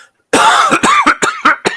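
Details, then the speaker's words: A man's coughing fit, about six harsh bursts in quick succession after brief silence; cough. "As you hear the cough as is still fresh. I'm going to lean off screen and spit some of the horrible [ __ ] out. That was bad."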